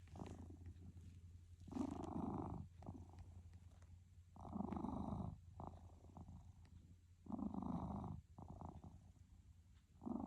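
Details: Sleeping pet cat snoring: rhythmic, rumbling breath sounds at about 21 a minute, with louder noisy bursts on each breath; harmless snoring.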